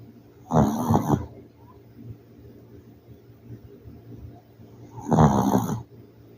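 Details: Two loud, rattling snores about four to five seconds apart with quiet breathing between, from a sleeping city pet dog; snoring.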